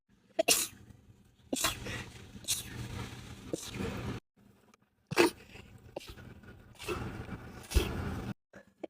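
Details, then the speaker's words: Person who sneezes 4 to 12 times per bout: a run of about six forceful, explosive sneezes in quick succession, each with a sharp burst of air. "I sneeze between 4 to 12 times per sneeze. Thank you. Everyone that knows me knows to wait till I'm done to say bless you."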